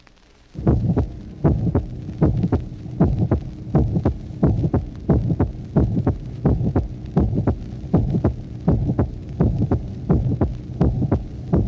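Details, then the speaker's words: 1966 teaching auscultation record, tracing 9: regular heartbeat about 83/min with a soft mid-systolic ejection murmur, with an audible silence between the murmur's end and the second heart sound. "Tracé numéro 9. Souffle mésosystolique d'éjection. Il vous faut percevoir par l'oreille le silence entre la fin du souffle et le deuxième bruit."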